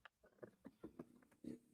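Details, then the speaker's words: Pet dog snoring loudly while asleep: quiet, rapid, grunting snorts in a small room. "I got to move my dog. She snores so loud, you guys could probably hear it. Not only that, but I have noise-canceling AirPods in, and I can hear her snoring, and it's absolutely pissing me off."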